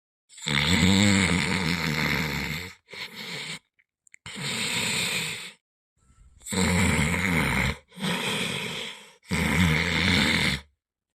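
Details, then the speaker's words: Acted, exaggerated imitation of a husband's heavy snoring in a village comedy skit: loud, harsh, rumbling snores in quick succession, keeping his wife awake. "ಯವ್ವ ಏನ್ ಗುರಕಿ ಹೊಡಿತಾರೆ ಇವ ನನ್ನ ಗಂಡವ"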